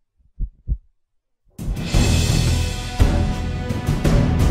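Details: A single low double-thump heartbeat sound effect in quiet, then loud orchestral music takes over: a produced heartbeat in an uplifting epic music mix.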